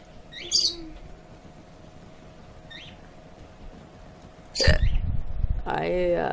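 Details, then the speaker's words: Hiccups during a live stream; the person says they can't control or stop them and feels already "three sheets to the wind". Two or three brief, sharp catching sounds over a steady room hum, then louder noise. "I can't control myself at this point I can't stop it cannot stop"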